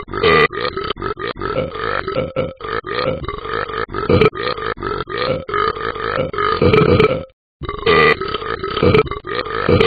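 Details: Repeated burping: a long run of loud, rapid, voiced belches with brief breaks.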